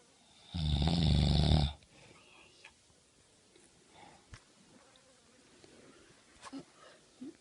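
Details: Annoying snoring: one loud, harsh, rattling snore lasting about a second, followed by quiet breathing and faint room noises.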